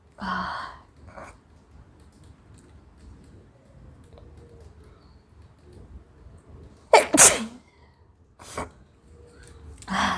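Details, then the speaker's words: Woman in a sneezing challenge, with teary eyes and a tickling nose: a short vocal sound, quiet, then one loud explosive sneeze and further sharp bursts; two sneezes. "तो मुझे 2 आ गई इससे paper pen से।"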